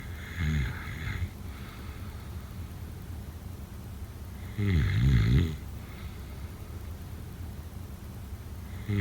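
Two loud, rough low-pitched snores with a quiet stretch between them, a steady background hum throughout; ordinary snoring during sleep.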